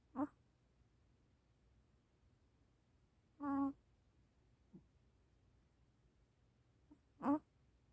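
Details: Sleeping puppy's sleep-talk babbling (from 40 s): brief high-pitched whimpers and yips, typical harmless sleep vocalization.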